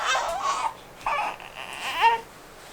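Three short, thin fussy cries from a newborn waking, in a quiet room; an ordinary infant cry.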